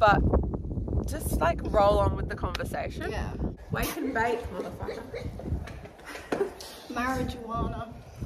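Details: Teenager with Tourette syndrome producing real, unedited vocal tics including profanity (coprolalia) mid-conversation; vocal tics with coprolalia (Tourette syndrome).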